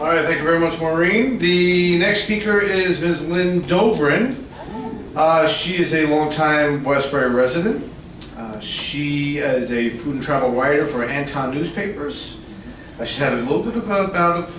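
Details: Adult male speaker; normal speech.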